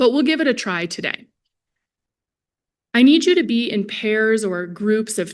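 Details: Adult female presenter; Normal speech.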